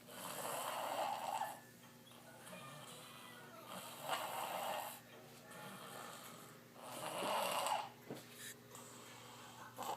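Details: Snoring after a long day: three loud, rasping inhaled snores about three seconds apart, roughly 20 per minute, with quieter exhalations and a steady background hum.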